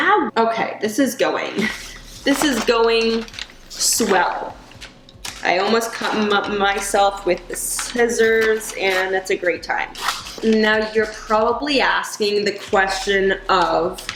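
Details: Adult woman who stutters; she says caffeine worsens her anxiety and stutter, recently gave up coffee but still drinks tea and decaf; stuttering.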